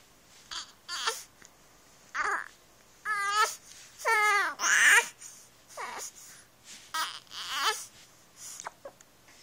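Repeated short bursts of infant crying and fussing with breaths between cries, in a quiet room.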